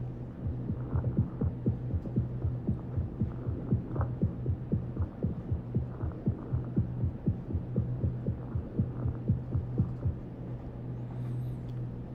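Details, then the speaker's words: Normal heart sounds: regular lub-dub (S1 and S2) at roughly one beat per second with a steady low background hum, a normal sample from a heart sound classification dataset. "let's hear a normal heartbeat sound it has a lub and dub sound sequence they are also called s1 and s2 let's hear one"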